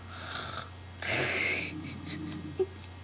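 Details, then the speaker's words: Adult man, the recorder's father, sleeping with his mouth open and not waking to loud talk; a loud, harsh, rattling snore through an open mouth with faint room noise around it: snoring. "okay so my dad is snoring up a storm like seriously i'm gonna shoot someone"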